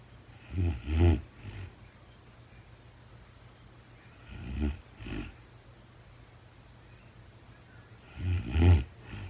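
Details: Real-time overnight recording of a very tired sleeping woman: soft snoring in pairs of low snorts about every four seconds, about fifteen breaths a minute, quiet pauses between; snoring during sleep.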